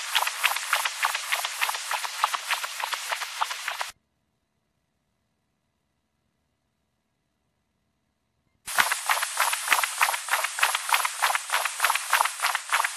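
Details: Harsh, continuous whooshing Doppler pulses near 200 a minute from turbulent flow in a cat with VSD, tricuspid insufficiency and a narrowed, leaking mitral valve: mitral stenosis and regurgitation on Doppler.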